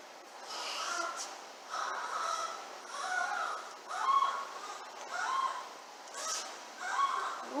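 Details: 22-day-old newborn boy gasping for air, needing oxygen: harsh, honking gasps recurring about 50 times a minute, labored gasping respiration.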